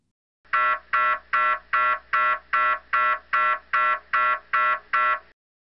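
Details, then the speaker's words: MRI scanner noise during brain imaging: loud, regular buzzing pulses, about 150 a minute, one of several scanner sounds played to prepare a child research participant, who must lie very still while the machine takes pictures of the brain. "when you hear any of these sounds you will need to lie very still when you hear these sounds the machine is taking pictures of your brain"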